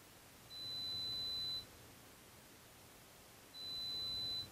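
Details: Adult hearing test demonstration: two steady high-pitched pure tones, each about one second, separated by a pause. They are presented in 5 dB ascending steps to find the threshold. Client reports trouble hearing in background noise; pure-tone audiometry test tones.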